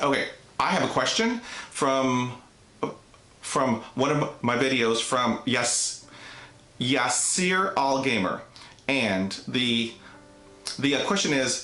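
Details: Adult man with neurogenic stuttering, onset at age five after a traumatic dog attack; severe enough for speech therapy from grade one through high school, college and the Air Force; audible repetitions; stuttering.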